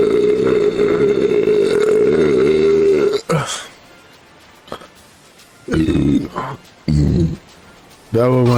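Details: After shotgunning a beer: a long, loud, deep belch followed by several shorter burps; ordinary belching.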